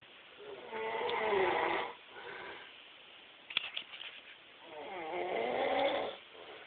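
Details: Ordinary snoring: two rasping snores on inhalation with quieter breaths out between them.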